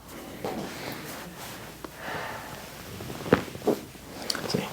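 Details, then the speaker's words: Joint cavitation during a chiropractic manual adjustment of the hip: a sharp, brief pop amid quiet room noise and breathing. "got a good pop of that hip right there. Solid. Take that all day."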